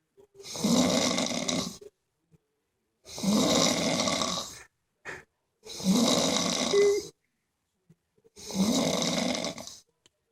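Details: Person snoring after a long day of striper fishing.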